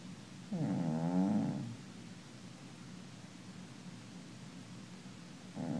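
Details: Cat (Lucy) gives a buzzy, tonal snore lasting about a second, then a quiet pause before the next breath; ordinary snoring.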